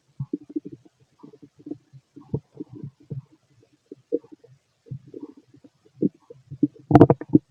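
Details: Fit adult male, stethoscope over the belly while digesting pastry, chicken, curry, bread, milk, eggs and pasta: irregular gurgles and rumbles with a louder burst near the end; normal bowel sounds.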